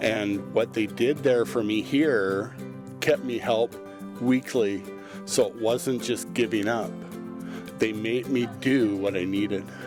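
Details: Adult male with aphasia after a stroke in 2010; his speech was reduced to nothing afterwards, and he has since attended weekly supported aphasia group sessions run by speech-language pathologists; aphasia.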